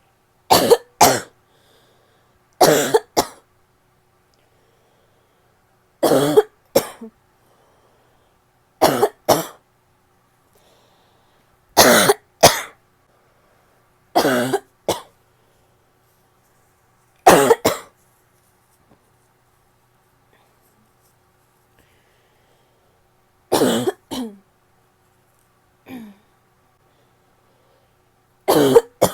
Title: barking cough (f)